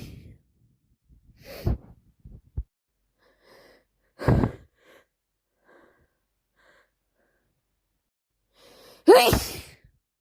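Three forceful sneezes within ten seconds, with sharp inward gasps and sniffs between them; repeated sneezing with a head cold.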